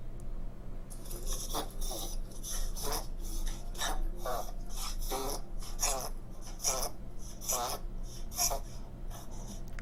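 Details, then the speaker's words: Dog with a goose-honk dry cough, which a veterinarian attributes to a narrowed airway (trachea or bronchi): a rapid run of harsh, honking coughs like a goose's call. "요 경우는 좀 더 거위 같은 소리가 나지요"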